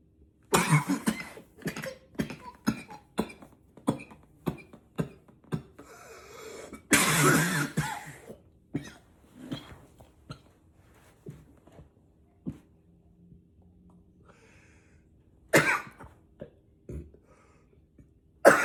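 Repeated forceful cough bursts, about a dozen in quick runs with a longer harsh fit midway, some throat clearing; intense coughing.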